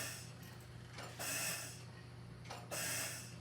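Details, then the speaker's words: Mechanical hiss-and-whoosh cycles about every 1.5 seconds from a Mallard 2800 anesthesia ventilator, bellows pushing for 0.3-second inspiratory time and delivering just over 3 liters per breath. "now we're pushing for 0.3 seconds it's going down to just over three liters"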